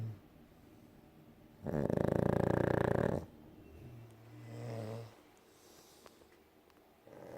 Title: Synchronised Snoring